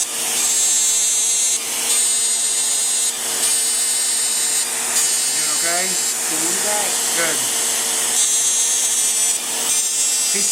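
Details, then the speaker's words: Woman, Deep FX CO2 laser to jawline and mouth corners for deeper lines: loud steady suction hiss with repeated high-pitched laser bursts about 39 per minute and brief voices; deep-mode CO2 laser firing. "So, this is the part that really helps to tighten the deeper lines around the face, around the mouth, especially in the corners of the mouth."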